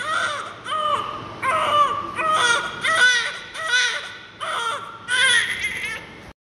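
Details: Newborn cry, one of twins born to the same mother, around suctioning: about seven repeated high-pitched wailing bursts with short breaths between; a strong, normal newborn cry.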